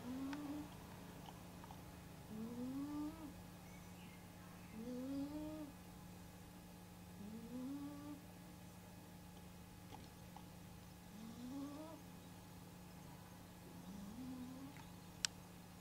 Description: Γιατί οι γάτες ροχαλίζουν κι ονειρεύονται! My cat snoring like nobody's business!